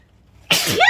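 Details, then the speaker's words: Sneeze provoked by chhinkni sneezing powder that tickles the nose: silence, then one sudden forceful sneeze burst with a voiced tail; sneeze. "that tickles so much excuse me to everybody who says bless you every time thank you so much"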